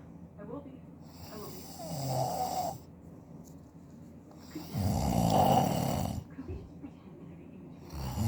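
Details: Adult man (husband) snoring loudly during sleep, which he denies: heavy, rattling, deep snores on each breath with faint room noise between; loud snoring.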